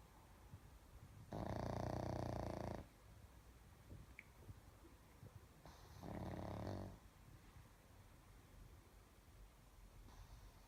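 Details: Pug snoring while asleep: loud, rough, rattling snores about every four to five seconds, roughly 13 a minute, with quiet breathing between them.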